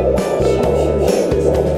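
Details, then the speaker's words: Home ultrasound fetal Doppler (Angelsounds) with gel on the bare abdomen below the navel in a third pregnancy: rhythmic wind-like whooshing pulses, blood flow, not the faster hoof-like fetal heartbeat. "像风声咻咻咻。我记得没错的话，这个声音呢，在产检的时候，医生告诉我们它是血流的声音。"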